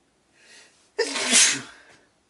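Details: A person sneezing: a soft inward breath, then one loud, explosive sneeze that trails off, after which they say they need to blow their nose.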